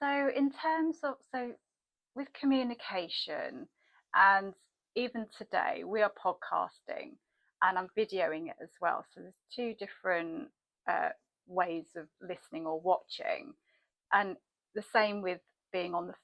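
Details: Adult woman; typical speech.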